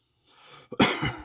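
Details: Adult denture wearer with a gnarly cough for two weeks, which began after a cruise; the cause is questioned as Covid. A sharp inward catch, then one harsh, forceful cough with a rough trailing sound.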